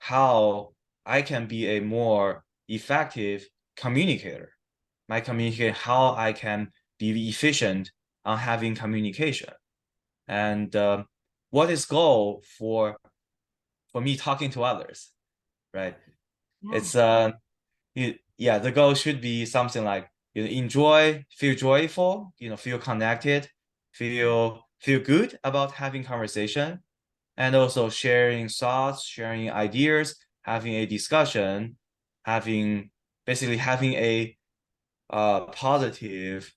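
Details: Adult man who has stuttered since childhood, for about 15-20 years, recorded after 7-8 weeks of stuttering therapy. Word and phrase repetitions and filler words are present. Stuttering.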